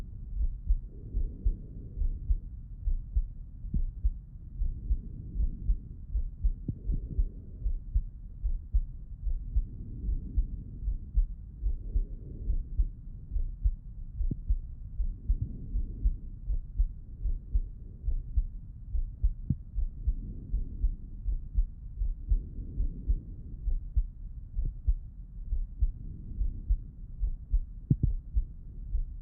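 Steady low heartbeat thumps at about 75 a minute through a stethoscope, with soft breathing swells behind.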